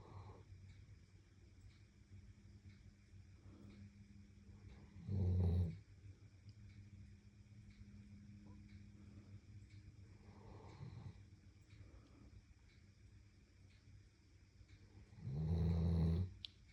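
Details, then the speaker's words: Sleeping dog, snores like this when very tired: two deep, loud snorts about ten seconds apart with quiet low breathing between; snoring. "snores like that when he's really, really tired."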